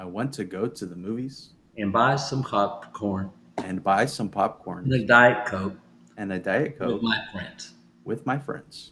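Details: Adult man; aphasia.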